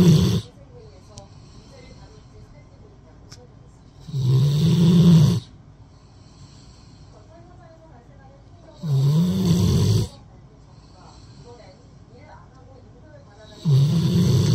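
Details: Rottweiler dog asleep with its head on an arm as a pillow, snoring: loud, low rattling snores about every four to five seconds (roughly 13/min) with quiet gaps between.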